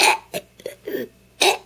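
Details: Young boy voluntarily making himself burp repeatedly on demand: a series of short, abrupt throaty burps in quick succession.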